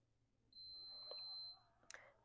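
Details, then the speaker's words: Teal Moog Infinity enteral feeding pump being primed with formula for G-tube feeding: a single high-pitched electronic beep of about a second as the prime button is pressed again, then faint clicks; normal operating sound. "So, there's our first little stopping point. So, then we can hit the prime button one more time."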